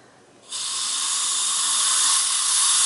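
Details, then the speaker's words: Dental air-water syringe blowing a slow, steady stream of air alone onto a particular tooth area, e.g. lingual surfaces, to detect supragingival calculus: soft room noise, then a continuous hiss of air starting and holding. "the air alone is used in detecting super jingal calculus when doing this you want to give a slow and steady stream of air on a particular area"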